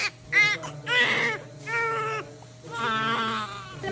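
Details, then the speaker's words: Repeated loud, strong crying bursts from a newborn boy just after a stressful birth, heard as a reassuring sign; he then needed oxygen for a couple of minutes and was a little chilly. "And just to hear him cry cuz that's like such a good sign. If a baby's not crying when they come out of the womb usually something's wrong."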